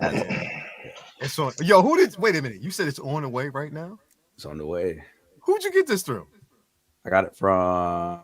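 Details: Adult male speakers in casual conversation; ordinary conversational speech.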